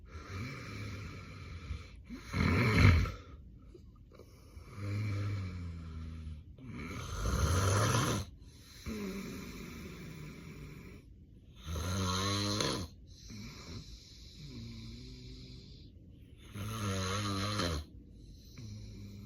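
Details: Adult recorded during an unplanned daytime nap, with daytime sleepiness: loud, rough snores about every five seconds with noisy, strained breathing and apnea pauses; snoring in obstructive sleep apnea.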